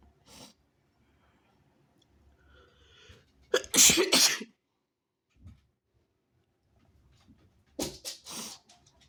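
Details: Induced rapid sneezing: a faint burst, then two loud, sharp sneezes a few seconds apart in a quiet room; sneezing.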